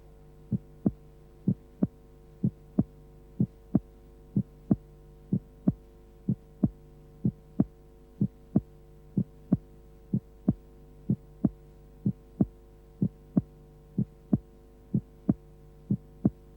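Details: Simulated heart sounds for transposition of the great arteries at normal speed, ignoring respiration, about 62 beats a minute: regular paired sounds with a single second sound.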